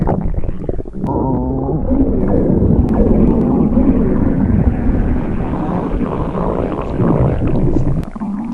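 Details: Hungry before breakfast in the morning: continuous low gurgling and rumbling with creaky, groaning swells. Stomach growling (borborygmi) from an empty stomach.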